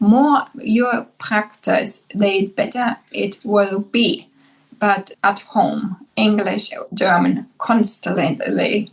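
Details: Adult woman, formerly speaking five languages, with aphasia after a massive brain bleed (stroke) about 10 years earlier, initially unable to speak; English and German now easiest, Spanish slowly returning; aphasia.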